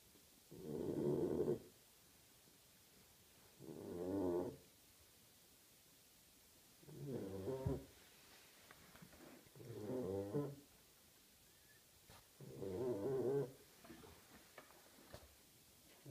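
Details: 8-week-old female Labrador puppy asleep after much play: five soft, rattling snores on each in-breath, about 20 a minute, separated by quiet pauses; puppy snoring.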